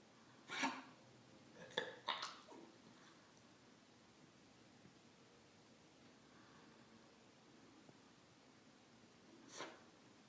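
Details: Dog's kennel cough at its onset: a quick cluster of short, harsh hacking coughs, then one more after a pause.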